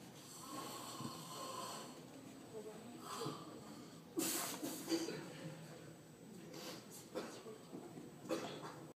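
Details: A child asleep in a library, snoring softly: rhythmic snoring breaths, about four breath cycles, over a steady background hiss.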